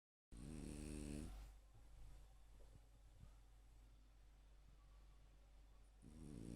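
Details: Low buzzing snore at the start, a quieter rumbling stretch, then the snore building again at the end, during heavy sleep. Snoring.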